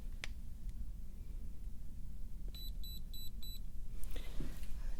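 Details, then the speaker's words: Four quick high electronic beeps from a thermometer finishing a temperature reading during vital signs in a simulated ASMR cranial nerve exam roleplay, with faint room noise. "I'm going to go ahead and put gloves on okay I'm going to take your temperature this will go on your"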